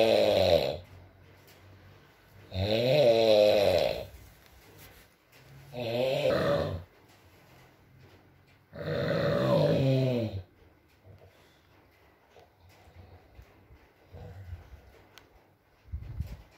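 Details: Sleeping adult man: four harsh, vibrating snores with quiet breathing between, then softer breaths and faint room noise, with rain in the background in an ASMR recording; snoring.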